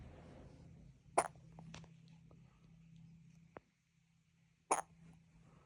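Two sharp, abrupt hiccup sounds a few seconds apart over quiet room hum.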